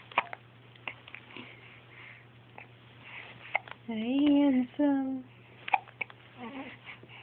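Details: Infant hiccups: repeated sharp, brief gulping clicks at uneven intervals, a short voiced sound midway, and a low electrical hum in the background.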